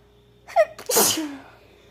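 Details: Acted sneeze in a sick role-play (labelled "sneezing F"): a short inhaled build-up, then one forceful sneeze that trails off.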